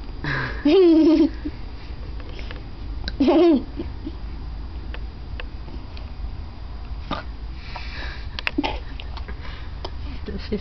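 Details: Two young children in matching pajamas both have hiccups: two short voiced squeaks a few seconds apart, then fainter sharp catches in a quiet room.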